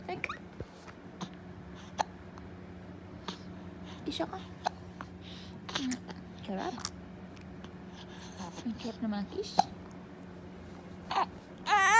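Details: One-month-old newborn baby boy with hiccups: brief sharp catches every second or two, with soft baby noises and quiet adult voices nearby.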